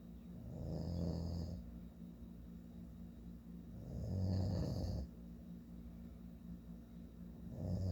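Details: Loud, low rattling snores on each breath in, about 18 a minute, with quiet breathing out between, from a sleeping adult man; ordinary snoring.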